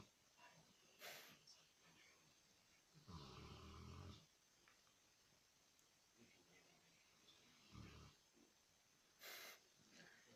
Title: Snoring saint bernard